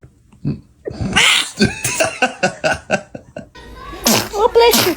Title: Baby sneeze 🤧🤣 #baby #sneeze #cute #funnybaby #funnyvideos #love #Foryou #fyp #viral #kids